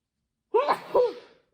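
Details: Single voiced sneeze triggered during a Covid-19 nasal swab test: sharp intake then explosive release, a reflex to nasal irritation.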